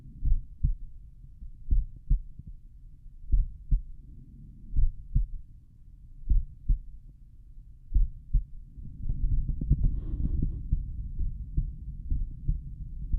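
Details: Slowed-playback stethoscope recording at the mitral area, person lying on back: paired low thumps at a steady rhythm, some rustling noise toward the end; heart sounds.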